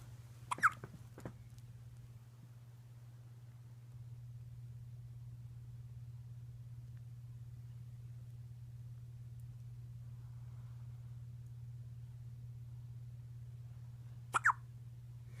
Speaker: He's just a little bit hiccupy after a nice